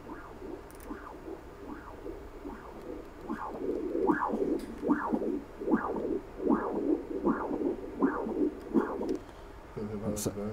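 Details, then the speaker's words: Doppler echocardiogram of pulmonary artery flow through the pulmonary valve in an adult male discus thrower: rhythmic whooshing pulses, about 78 a minute, normal flow signal. "okay L you're going to hear some noises now and it's just the sound of the the blood flowing through your"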